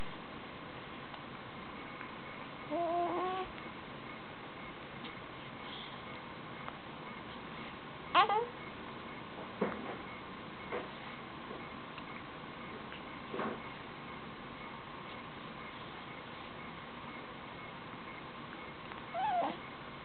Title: baby hiccup